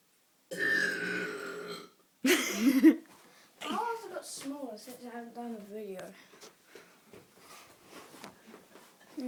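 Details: Two brothers' deliberate burping: two long, deep, rumbling belches, then speech and laughter in a small room; burping.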